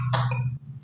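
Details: Baby being massaged to help recover from a cough: one brief cough over a steady low background hum; infant cough.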